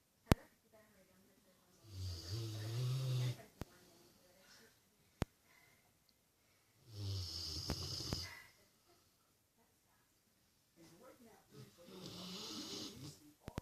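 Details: Rottweiler snoring while asleep and dreaming: deep, rumbling snores about 12 a minute, somewhat irregular, with faint clicks between breaths; ordinary sleep snoring.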